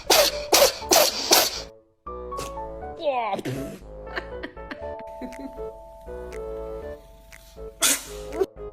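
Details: A cat sneezing: a quick run of four small, sharp sneezes, then music and sound effects, with one more sneeze near the end.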